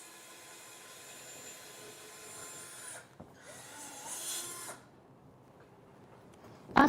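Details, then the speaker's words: Powered hollow drill advanced through a protective sleeve over a guide wire to open the medullary canal for a multi-lock humeral intramedullary nail in a fracture-fixation demonstration: low motor whir with a brief rising whine and grinding into bone. "Next, use the protective sleeve in combination with the hollow drill to open the madaric canal. Advance the hollow drill through the protective sleeve."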